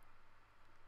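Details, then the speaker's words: Endoscopic ear microsuction of soft wax in the ear canal: steady low suction hum with quick pulsing and faint hiss as the suction tube grips and moves the wax. "so we're just going to go in now and get the next section so we've got some of it away but you can see it's all moving if you look just past the section tube you see the whole lot moving in that canal"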